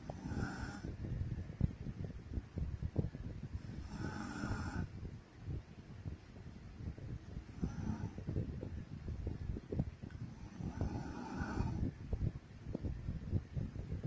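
Four slow, rumbling snores in about fourteen seconds, near seventeen breaths a minute, over low steady room noise; ordinary snoring.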